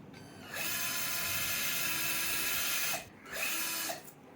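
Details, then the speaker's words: Orthopaedic power drill with a 4.2 mm bit through a sleeve, preparing a 5 mm locking screw hole during LCDCP plating of a humerus shaft fracture on a bone model: two sustained whirring runs with a steady motor whine. "So 5 mm screw మనం వేస్తున్నాం కాబట్టి 4.2 mm drill bit use చేయాలి."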